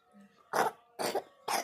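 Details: Child (Nandini) coughing with vomiting overnight, now lethargic and unwell; three short, harsh coughs in quick succession with faint room noise between.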